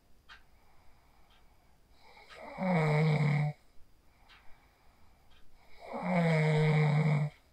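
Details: Sleep snoring from an adult recorded on a phone after falling asleep using the 4-7-8 breathing technique: two loud, low rattling snores on breathing in, each about a second long, separated by quiet breathing out.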